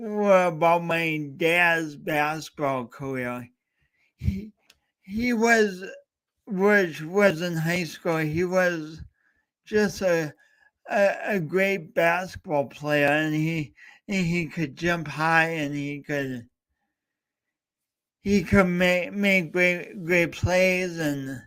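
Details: Male host with a self-described speech impediment, coached by a speech coach for years, talking live for three hours straight as a challenge; stuttering.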